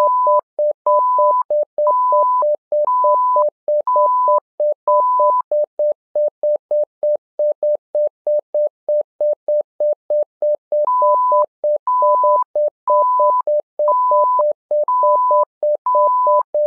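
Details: Simulated patient monitor app (SimMon): rapid, steady monitor beeps throughout, with repeating higher-pitched alarm tones in two stretches, simulated monitor tones and alarm.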